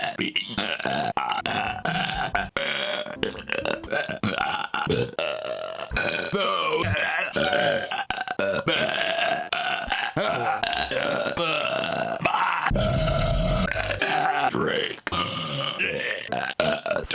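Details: Compilation of an adult man's repeated belching: long, loud, voiced burps run together one after another, with brief speech, laughter and music between them.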